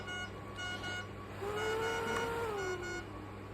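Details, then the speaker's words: A home ventilator (recalled DreamStation model, used by a person with spinal and brain injury in community care) running its safety checks: short electronic beeps and a gliding tone over quiet room hum. "Come on, there we go. There's my safety checks done."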